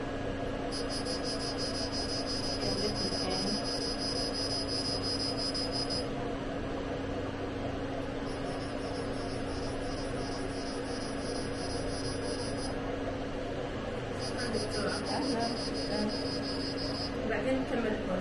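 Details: Fractional CO2 laser treating a patient's face after anesthesia, which the patient says is very painful: steady machine hum with fan noise and stretches of high-pitched tones and rapid pulsing.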